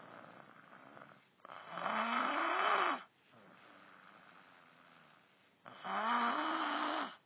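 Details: Man sleeping, with two loud, rattling, rising snores separated by quieter breathing in a small room; habitual snoring.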